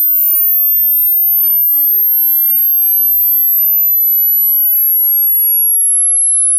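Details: Very high pure tone slowly falling in pitch, an online hearing-test frequency sweep, explicitly not clinical data: hearing test tone.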